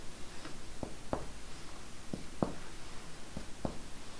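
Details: Normal resonant percussion note on a 29-year-old man during a medical student's respiratory examination: paired finger taps over the back give short, hollow, resonant notes.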